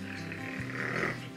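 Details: Vocal tic (growl) in a female with Tourette syndrome: a former snort-like tic that she slowed down through self-taught habit-reversal-style practice until it became a growl.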